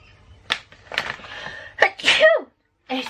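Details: Young woman with allergy and sinus tags, sneezing repeatedly one morning: a sharp intake of breath, then a forceful sneeze burst with a brief vocal sound after it.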